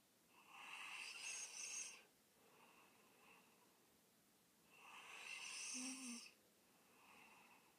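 Two drawn-out, hissing, whistly snores on the in-breath with quieter breaths out between them, about eight breaths a minute; snoring.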